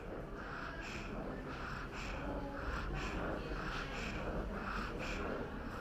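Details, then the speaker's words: Child being assessed for cough and difficult breathing: rapid, noisy breathing with a rough, whistling quality on each breath out; expiratory wheeze. "or you may hear other noises when the child breathes out such as wheezing"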